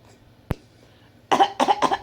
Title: My little copy cat coughing like Mommy.